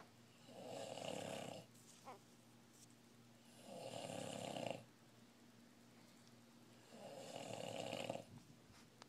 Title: Somebody's snoring...